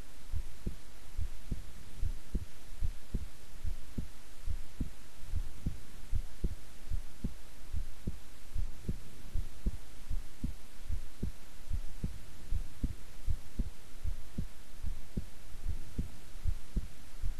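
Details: Own heartbeat recorded at length while staying still and relaxed: steady, soft low thumps at about 76 beats a minute under a constant hiss; normal resting heartbeat.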